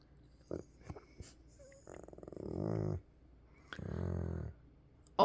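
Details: Red Labrador retriever asleep, possibly dreaming: two long rattling, buzzing breath sounds with brief clicks between them; snoring.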